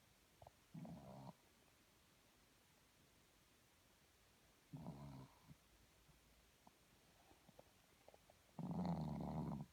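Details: A sleeping animal snoring: three low, rumbling snoring breaths separated by quiet pauses; snoring.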